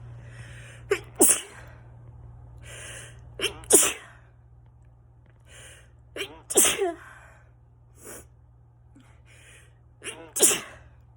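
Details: Four forceful adult sneezes, each after a quick catching inhale, during autumn; a run of allergy sneezing.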